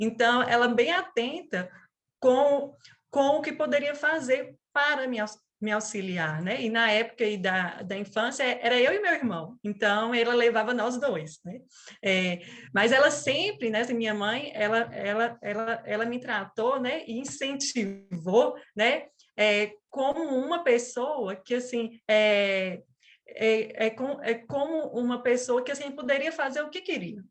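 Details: 37-year-old woman who stutters since age 4, with father and brother who also stuttered; she calls it a neurobiological speech disorder; stuttering.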